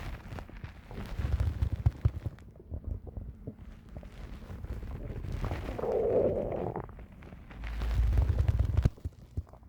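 Low rumbling and gurgling from the belly, with a louder bubbling gurgle midway and a deep rumble near the end: ordinary stomach growling (borborygmi).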